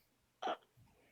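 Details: Hiccups: a single abrupt, short gulping hiccup in a quiet room, with French speech around it.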